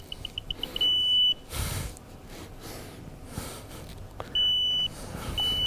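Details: A quick run of short beeps, then long high-pitched electronic tones as a man with Parkinson's switches off his apomorphine infusion pump with one button; faint room noise.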